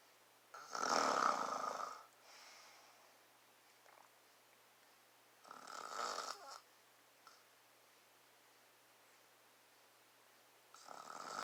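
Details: Adult father snoring, recorded close up to his face: raspy snores, three in about 11 seconds, with quiet pauses between breaths in a still room.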